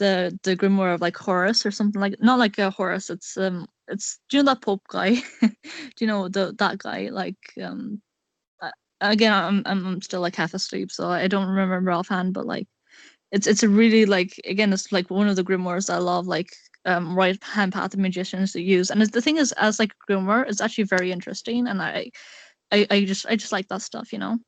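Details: Male speaker who describes himself as having an awful stutter; stuttering.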